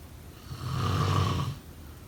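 A single low, rumbling snore on the in-breath lasting about a second; ordinary snoring.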